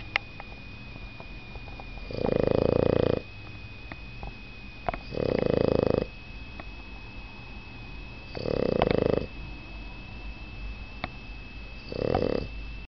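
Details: Sleeping in bed and snoring, said not to be as loud as usual: rough, buzzing snores on each breath, four in about thirteen seconds, over a steady background hum.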